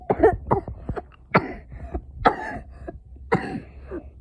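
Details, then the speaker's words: Sick boy with a very bad cough, kept home from school, coughing while playing a game: several short, harsh coughs in quick bursts in a quiet room. "Yeah, he's sick. He's sick, by the way. He has a very bad cough. That's why he didn't go to school."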